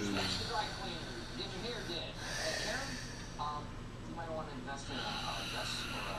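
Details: Loud snoring from a father who fell asleep while watching TV.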